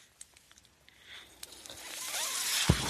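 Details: Speaker's own mechanical ventilator breath cycle in a quiet room: soft mechanical clicks, then a steadily rising hiss of airflow ending in a dull thump.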